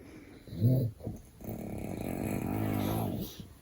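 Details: Father snoring while baby sleeps: a short snort, then a long buzzing snore on one breath.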